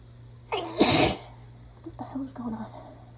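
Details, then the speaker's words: Person sick and congested, sneezing in fits and half stifling them to keep quieter: sharp intake of breath, then a loud, forceful sneeze, followed by soft gasps and murmurs. "oh I'm really trying not to make them so loud because I think a little bit when I just let everything go"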